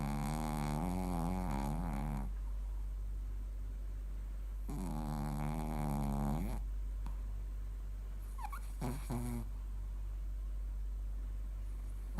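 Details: Two long, rattling, buzzy breath sounds with a shorter snort from a sleeping Shih Tzu dog, over a steady low hum; snoring.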